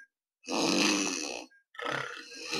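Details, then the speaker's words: Loud, harsh, fluttering snore in two bursts under drug-induced sleep endoscopy of a 32-year-old male, BMI 27.5, AHI 52.5, mostly obstructive apneas; snoring from purely soft palate collapse, no tongue base or epiglottis involvement. "So this is the soft palate collapse. There's no component of tongue base or epiglottis, as you can see here. The tongue base and epiglottis are not collapsing. It's purely a soft palatal collapse."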